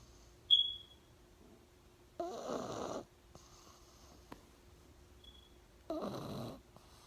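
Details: Pug dog snoring: two noisy, rasping snoring breaths a few seconds apart, with a faint squeak between them, in a quiet room.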